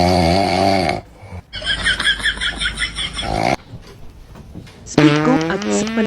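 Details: Snoring.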